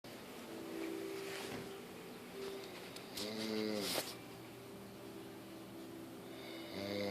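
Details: Droning, buzzy snoring with a louder rattling snore midway.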